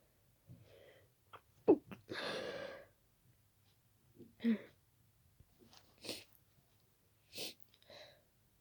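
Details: Sneezing fit of unknown cause after an hour of itchy nose, with the tickle worsening and the nose becoming stuffy: a sudden burst of several rapid sneezes with sharp breaths between, one long and explosive.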